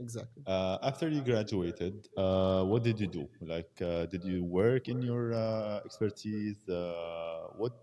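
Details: Adult male speaker; normal speech.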